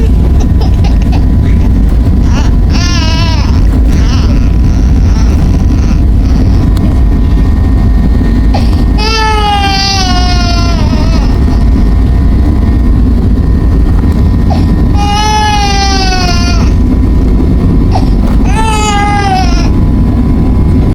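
Three bursts of high, wailing infant cry over loud, steady airplane cabin noise.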